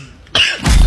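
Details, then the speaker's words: Adult man, said to have coughed often since late December 2020, which he links to a fairground ride, gives a sudden harsh burst then a deeper, heavier one in a small room; cough. "Tapi emang lu sering batuk gara-gara akhir Desember 2020."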